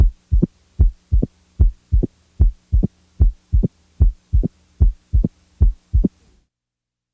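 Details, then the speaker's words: Opening snap: short, high-frequency sound about 60–100 ms after the second heart sound, higher-pitched and earlier than an S3, best heard with the stethoscope diaphragm firmly pressed. "the opening snap is best heard with the diaphragm firmly pressed while the S3 is best heard with the Bell lightly held"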